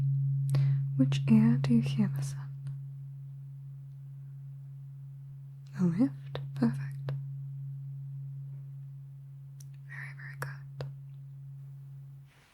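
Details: Roleplayed cranial nerve exam hearing test: tone of a higher-pitched tuning fork, used with a lower one to test pitch detection.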